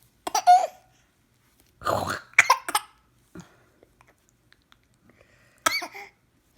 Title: with the hiccups